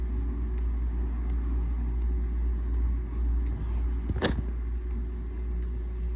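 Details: Constant rhythmic clicking of a mechanical heart valve in a heart surgery survivor, heard every minute of every day: mechanical heart valve clicks.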